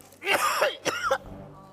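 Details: Two short throaty bursts from an adult male comedian on a TV show, a suppressed cough caused by holding back laughter.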